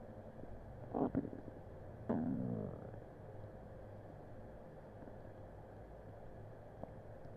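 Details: Upset stomach recorded with a Blue Snowball Ice microphone, some background noise: two short gurgling, squelching rumbles, then quiet room hiss; borborygmi (stomach rumbling).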